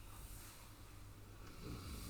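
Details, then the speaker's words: Old English Sheepdog lying asleep on a sofa: low, rumbling snore swelling toward the end; ordinary sleep snoring. "she's snoring like a troop I don't know if you can hear"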